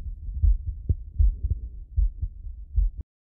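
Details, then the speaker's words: Cardiac auscultation with an Eko CORE 500 digital stethoscope at the aortic then pulmonic areas (second right and left intercostal spaces, sternal border): steady paired heart sounds about 78 per minute; normal heart sounds. "let's first take a listen at the aortic valve located at the second intercostal space on the right sternal border"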